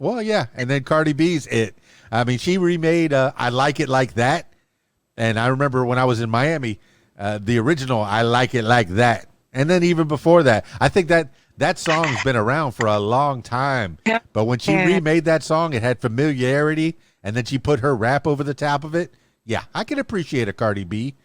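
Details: Adult male speaker; normal voice.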